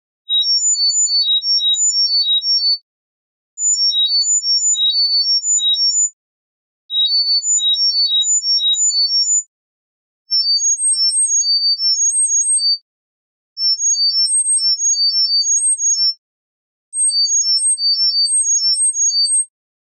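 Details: Acoustic coordinated reset (CR) neuromodulation tone sequences for tinnitus treatment, from 1000 to 10,000 Hz at 1000 Hz intervals, 10 seconds each.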